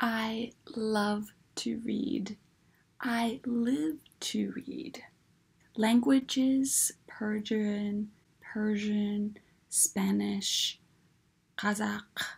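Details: Adult woman with aphasia and apraxia of speech, plus alexia, after a massive stroke in August 2015; she understands words but finds complex sentences difficult.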